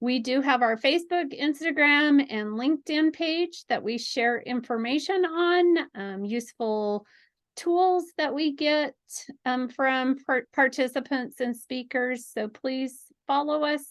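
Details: Adult woman speaking; ordinary speech.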